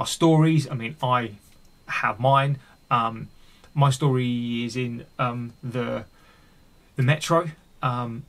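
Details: Adult male with a stammer, deliberately leaving his stammer unedited in this recording; real speech showing stuttering.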